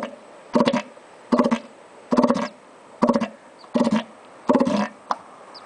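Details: Short, fluttering, rattling snorts at a steady pace, a little faster than one a second, with quiet gaps between, from a sleeping sea lion: snoring.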